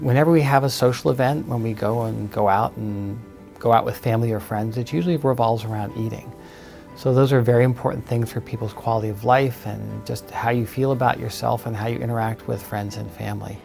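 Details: Adult man speaking; normal speech.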